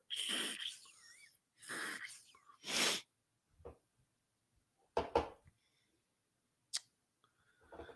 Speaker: I'm going to put this nasal spray in my nose because I can't breathe. Sorry.